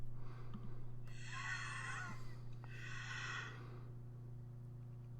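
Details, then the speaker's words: Asthma: two whistling, musical wheezes over a steady low hum, then wheezing with a bit of coughing, and wheezing as heard under a stethoscope, from narrowed airways. "those are two wheezes this is wheezing i think with a with a bit of coughing this last sound clip is what wheezing would sound like under a stethoscope"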